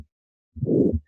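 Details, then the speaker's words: Simulated aortic stenosis on a Harvey cardiopulmonary simulator: a harsh systolic murmur filling the gap between heart sounds, loudest at the right upper sternal edge and radiating to the carotids. "here's a systolic murmur at the loudest here at the right upper sternal Edge as you might expect this is aortic stenosis"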